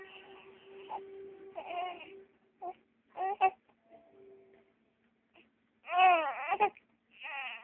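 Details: 3-month-old infant girl crying: soft, intermittent fussing cries and whimpers with pauses between bursts.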